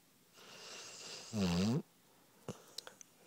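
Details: 9.5-month-old pit bull puppy asleep in bed: one loud, rattling snore on an in-breath after a softer airy breath, then faint clicks in a quiet room; snoring.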